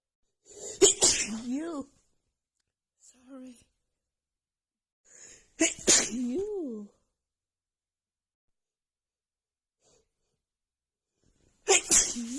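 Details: Female with runny nose after an hour outside in cold snowy weather, plus dust: repeated sharp sneezes with voiced gasps in quick succession; sneezing fit.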